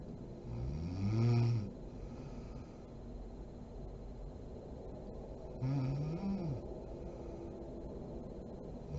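Two low rumbling snores on inhalation, about five seconds apart, over steady room hiss. Ordinary snoring during sleep.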